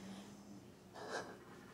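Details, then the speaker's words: A West Highland White Terrier lying at the owner's feet snores loudly in the background while she talks: dog snoring. "Oh my gosh, I have a Westie that is right at my feet snoring so loudly."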